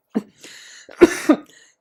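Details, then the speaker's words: Adult with a tracheostomy on a ventilator, currently ill with tracheobronchitis, gives a soft puff and breathy hiss of airflow, then two harsh, wet cough bursts through the trach. "Fun fact! I actually have tracheobronchitis, and I am trying to do this video. And it has been very hard because I am coughing a lot!"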